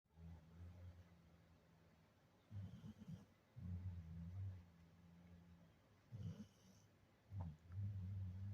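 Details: Irregular, fairly soft, low rumbling snores on the in-breaths during a nap, against quiet room noise; snoring.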